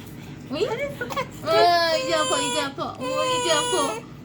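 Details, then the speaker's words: 126-day-old infant at a third check-up visit that included a cardiac ultrasound and vaccinations: sudden loud, rising cry in repeated bursts with catches of breath between, an acute pain cry right after an injection. "아파 있어 너무 잘했는데 다음 거 더 아픈 거 아파요"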